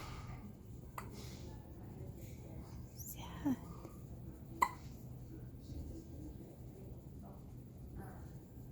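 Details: Baby with hiccups: several short, abrupt hiccup sounds at irregular intervals over quiet room noise. Hiccups.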